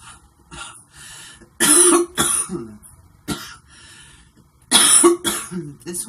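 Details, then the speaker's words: Dry cough from a woman while smoking cigarettes that she says give her a painful dry cough: several short, dry, hacking coughs and throat clears in quick clusters. "These give me, Jesus, please. They give me a dry cough that it just doesn't feel like that great. It kind of hurts. It's weird."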